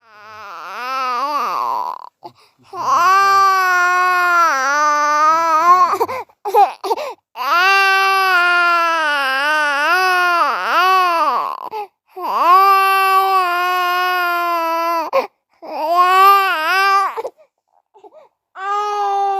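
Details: Infant boy crying in long, rising and falling wails separated by brief pauses for breath.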